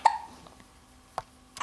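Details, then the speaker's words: Short, sudden voiced catches about a second apart against a quiet background, from a child with hiccups while talking; hiccups. "you got the hiccups so you're talking and you've got the hiccups say hi people say"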